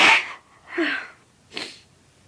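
A forceful sneeze followed by two softer sneezes or breathy exhalations, in a quiet room.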